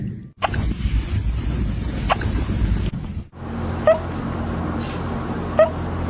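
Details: Two brief, sharp squeaky hiccups from a kitten, about two seconds apart, over steady background hum.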